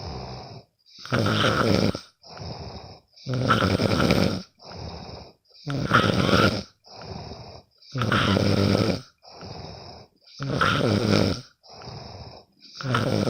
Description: Sometimes i can't sleep. So i will record my bff snoring...